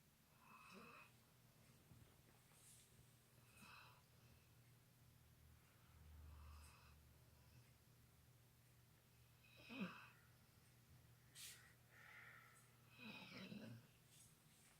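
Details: Labrador sleeping in an awkward position, irregular soft snorts and whistling snore sounds in a quiet room; snoring.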